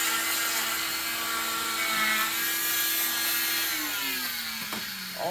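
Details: Oscillating cast saw cutting through a cast during removal; loud steady high-pitched motor whine with buzzing dipping slightly in pitch as it cuts, blade vibrating rather than spinning.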